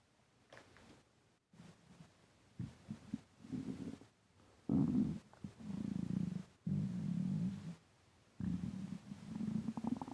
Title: Stomach rumbling when I breathe in and out